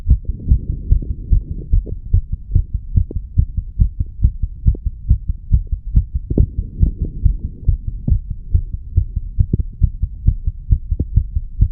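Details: Steady low lub-dub heartbeat at about 70 beats a minute over a faint hum, recorded at the mitral area in a 34-year-old male said to be under the influence of nicotine and cannabis.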